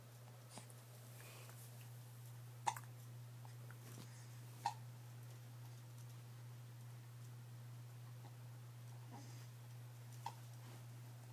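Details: Several brief, sharp hiccups a few seconds apart over a steady low electrical hum; ordinary hiccups.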